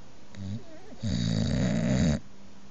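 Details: Halo, a boxer dog sleeping on the bed: a softer grunt then one loud, low, rattling snore lasting about a second; loud dog snoring.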